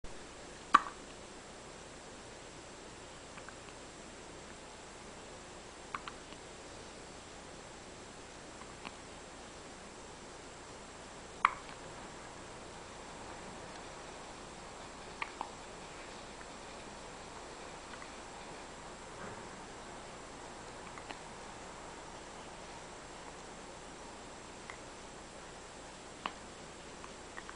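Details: Baby hiccups: soft, sharp little clicks recurring every few seconds in a quiet room, a normal occurrence.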